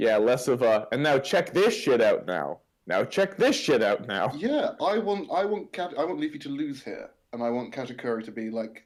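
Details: Adult male speaker; Typical speech.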